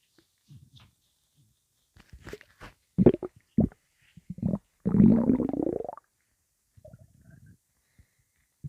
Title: Angry intense stomach rumbling